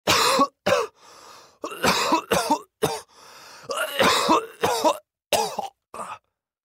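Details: Adult man coughing, as a sound-effect recording: repeated harsh cough bursts in clusters with noisy indrawn breaths between them.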